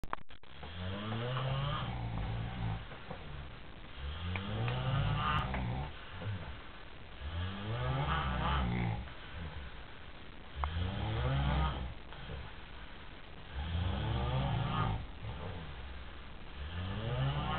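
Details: Loud, rumbling, rattling snores recurring about every three seconds from two men said to be drunk, sleeping in the recorder's bed; heavy snoring.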